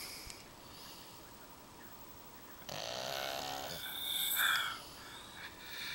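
A single short snore, followed by a higher, whistling breath sound, over steady background hiss. Snoring from a small flat-faced dog alongside an adult.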